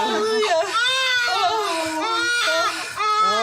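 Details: Strong, clear, vigorous crying from a healthy newborn boy just after a midwife-attended home birth, 7 lb 13 oz, still attached by the cord, after a 12-hour labour; a normal newborn cry.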